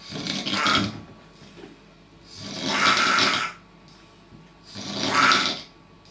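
Loud, rasping breath noises repeat about every two and a half seconds, roughly 26 a minute: rhythmic snoring.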